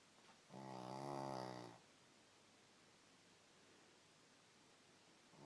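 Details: Snoring: a single loud, buzzing, tonal snore lasting about a second, followed by several seconds of quiet breathing and room noise.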